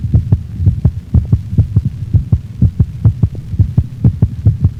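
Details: Canine heart sounds: clear paired beats whose spacing varies slightly, consistent with sinus arrhythmia, a normal finding in dogs.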